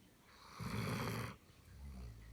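A single loud, low, rumbling snore lasting under a second, followed by quieter breathing: a dog snoring during sleep.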